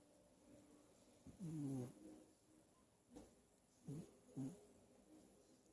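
Soft, brief snoring breaths with faint squeaky, purring tones from a sleeping kitten, irregular and quiet; ordinary light snoring.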